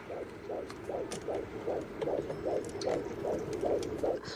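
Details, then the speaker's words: Fast, regular whooshing fetal heartbeat at about 150 a minute on a fetal monitor in a fictional film scene, left on after a pregnant woman's contractions stopped in hospital. "Oh, do you mind leaving it on? I like to hear the baby's heartbeat."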